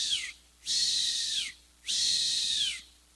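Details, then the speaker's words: Imitated wheeze: repeated high-pitched, hissing whistles voiced to show the sibilance heard with a stethoscope over the back of an asthma patient. "Eso se llama sibilancia. Eso quiere decir que el pulmón está sufriendo."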